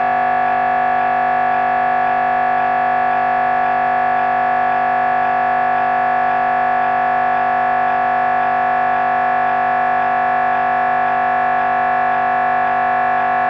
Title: MRI Brain Scan Sounds